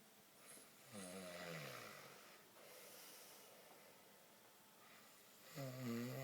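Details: Snoring from someone asleep: two low, rattling snoring breaths on inhalation with quiet pauses between, in a quiet room.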